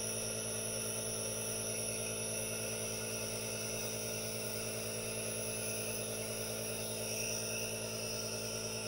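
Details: Steady loud buzzing hum and constant airflow hiss of an aerosol compressor nebulizer running without pause, recorded as no-talking ASMR white noise.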